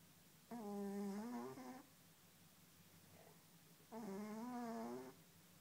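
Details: Fat orange cat snoring while asleep: two soft, droning, buzzy snores about three seconds apart over quiet room noise.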